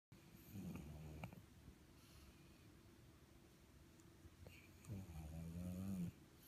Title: Flattened face pug snoring.